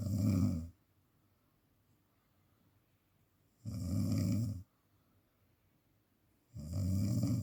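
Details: Rough, rattling snores roughly every three seconds with quiet gaps between, presented as snoring linked to sleep apnea: snoring.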